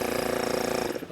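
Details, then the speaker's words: Portable oral suction machine switched on, pulling vacuum through tubing and filter into the canister: a steady, loud mechanical rattling hum that dies away at the end. "so right now it's running it's pulling a vacuum back into the machine through this tube through this filter through the hose"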